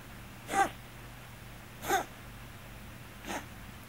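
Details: Scottish Fold cat with hypertrophic cardiomyopathy: three short, abrupt hiccup-like cough bursts, evenly spaced about every one and a half seconds; occasional since diagnosis, recently frequent, sometimes louder.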